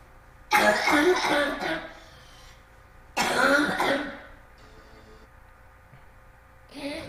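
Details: Child with habit cough (chronic cough up to 5 years, about 18 hours a day, absent during sleep and returning on waking): two loud, harsh, honking throat-clearing coughs.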